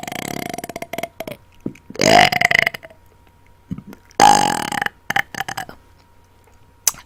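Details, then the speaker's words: Several loud, drawn-out voiced belches with short pauses between them, made deliberately on command after dinner and recorded on a blue Yeti microphone; burping. "I am burping into my blue Yeti Mike so the sounds may get intense if you're listening on a head phone or headset make sure you adjust the sounds"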